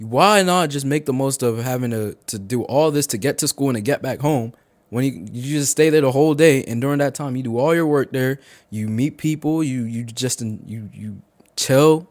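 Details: 18-year-old male college sophomore who stuttered heavily as a child and still stutters, with part-word and whole-word repetitions; stuttering.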